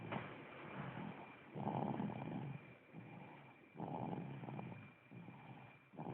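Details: Low, rumbling snores on each breath, about two breaths every four seconds, slightly irregular; uploaded from an Android phone.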